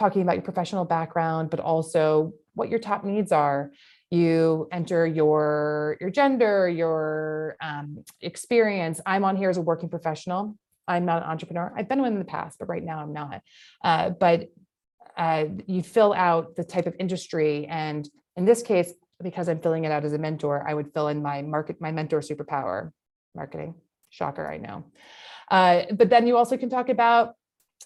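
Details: Adult woman speaking; normal speech.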